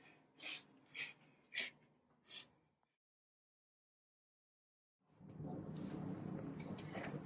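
Four short, breathy cough bursts in quick succession, acted as a cough from an upper respiratory infection.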